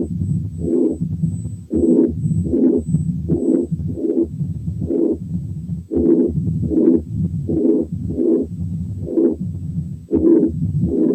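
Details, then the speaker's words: Double mitral lesion with atrial fibrillation: a totally irregular rhythm with a loud first heart sound, a pansystolic murmur and an opening snap. "الحالة اللي جاية برضو دبل ماترال ليجن، إنما فيها كمان atrial fibrillation وفيها loud first sound و pansystolic murmur و opening snap، إنما الريزم is totally irregular."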